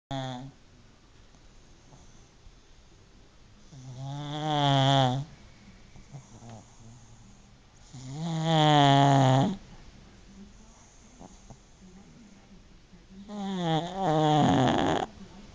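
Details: Pug asleep, wrapped in a blanket, snoring as usual: three loud, drawn-out, vibrating snores about every 4–5 seconds, slightly wavering in pitch.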